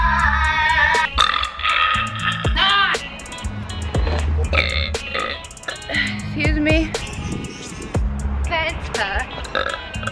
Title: burping really loud